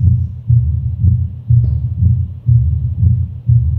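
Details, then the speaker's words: Mitral area in pure uncomplicated mitral stenosis: low-pitched rumbling mid-diastolic murmur at about 60 beats a minute, localized without radiation to axilla or carotids; cadence likened to "what to do, what to do". "They say the cadence of the murmur is like the heart is saying what to do what to do what to do and this murmur is quite localized."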